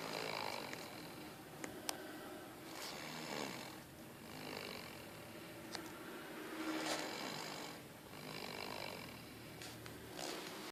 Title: Hilarious old man snoring